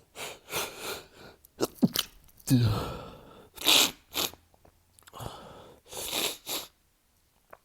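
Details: Male on a cold morning, sneezing fits every 30–60 minutes: a string of muffled, stifled sneezes with quick breaths between, several in a row.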